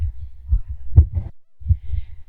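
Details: Nervous pounding heartbeat of a female picked up by a body microphone: strong low forceful thumps.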